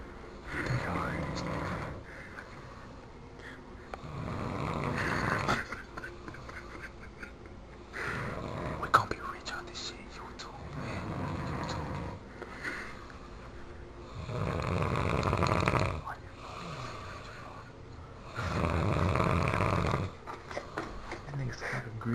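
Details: Loud, rough snoring from a sleeping man, recurring every four to five seconds, about 14 a minute, with quiet whispering between snores.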